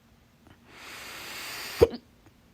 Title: 7/25/22, My Loud, Second Hiccups